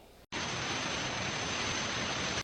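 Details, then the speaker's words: Simulated roaring tinnitus played as an example of tinnitus types: a steady, loud roaring noise. "कर्कश, (ज़ोर से चीखना) electric, (electric बज़िंग) और गर्जन।"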